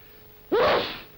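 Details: Acted, simulated sneeze for a public information film on coughs and sneezes: one sharp, explosive sneeze with a voiced burst.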